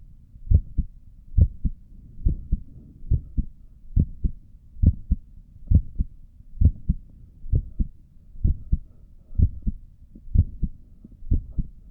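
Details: Steady paired lub-dub heartbeats at about 69 per minute, regular rhythm, recorded by stethoscope of own normal resting heartbeat while sitting at a desk; visible neck pulse.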